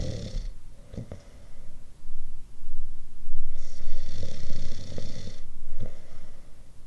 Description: Different types of snoring.